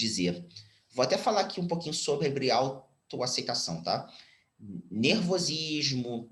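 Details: Stuttering in a 34-year-old man whose stuttering is now mild after speech therapy, in spontaneous speech.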